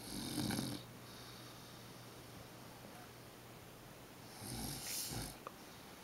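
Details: Grandmother snoring during a nap beside a 3½-month-old baby: two noisy breathing bursts with low rumble and hissy air, about four seconds apart, in a quiet room.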